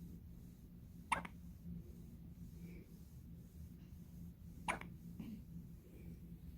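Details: Newborn baby, 6 hours old, first hiccups: two soft, sharp clicks about three and a half seconds apart over quiet room noise.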